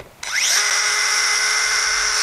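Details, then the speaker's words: Sudden steady high-pitched whirring of a surgical power drill removing the last fixation pin during rotating-hinge knee revision surgery demonstrated at an anatomic institute. "All right, I do a removal of all the pins. Thank you. And the very last one."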